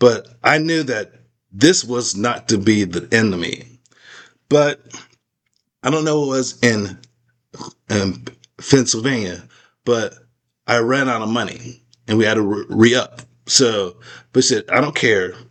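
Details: Adult man with aphasia after a stroke; post-stroke aphasia.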